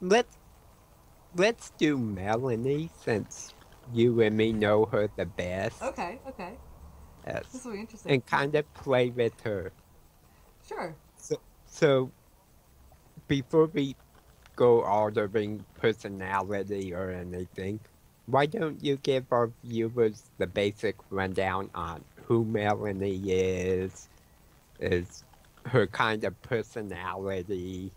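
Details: Adult man with autism and a self-reported speech impediment; he says his words sometimes break up and he repeats words mid-sentence when his mind wanders; speech impediment with word repetitions.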